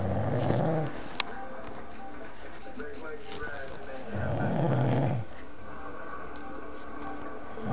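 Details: Loud, low, rumbling snores on the in-breath, said to shake the walls, two in under eight seconds with quiet pauses between; heavy snoring.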